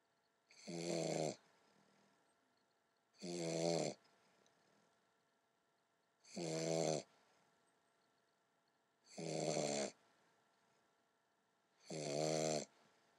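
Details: Sleeping English Bulldog puppy: five loud, buzzing snores at about 21 a minute, quiet between them; snoring.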